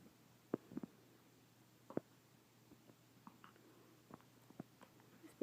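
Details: Three-day-old newborn named AJ with hiccups: soft, brief hiccup catches at irregular intervals, some faint, in a quiet room.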